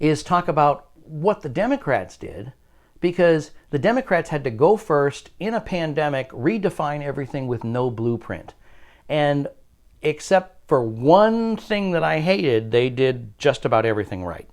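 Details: Adult male speaker; normal speech.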